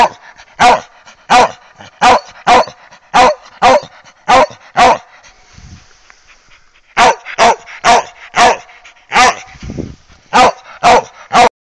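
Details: Dog; hoarse bark.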